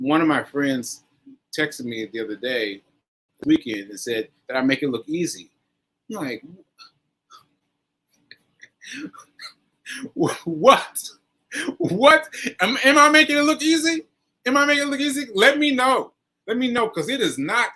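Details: Post-stroke aphasia in an adult man, about one year after a stroke on 7/14/22, still recovering, with word-finding difficulty; aphasia (post-stroke).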